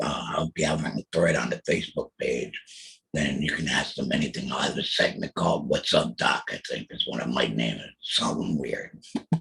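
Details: Alaryngeal speech from a real laryngectomee after a total laryngectomy in 2020 for throat cancer, followed by chemotherapy and radiation.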